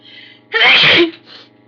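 A single loud, sharp sneeze burst with a faint sigh afterward, over quiet background hum.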